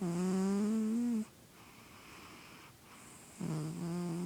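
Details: Healthy cat, checked by a vet, snoring in his sleep: two drawn-out, tonal, humming snore sounds separated by a quiet pause.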